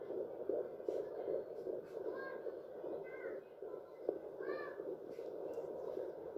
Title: Hearing our baby's heart beat using a doppler (14 weeks & 5 days pregnant) - sound on 🔊